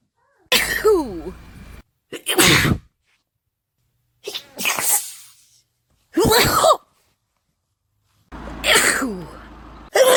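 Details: Woman sneezing during hay fever, compilation: five separate sharp, explosive sneezes, several with a voiced lead-in, separated by silence.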